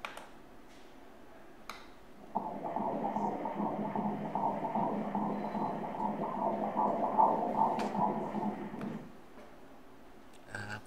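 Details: Rapid regular whooshing pulses at about 150 a minute on Doppler ultrasound: normal fetal heartbeat at 14 weeks of pregnancy during a detailed obstetric scan.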